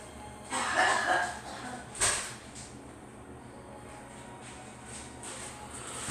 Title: Girl coughing